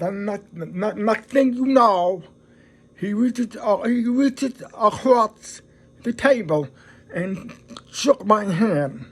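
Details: Adult man who is deaf and describes his own speech as a deaf voice; deaf speech.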